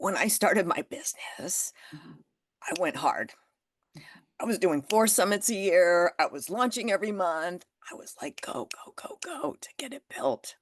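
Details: Spasmodic dysphonia in an adult woman, developed after stress and illness, ongoing and managed naturally without Botox.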